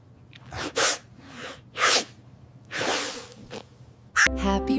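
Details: Puppy (golden retriever, per description) at a baby's first birthday party gives several short, forceful snorting sneezes, followed by party music.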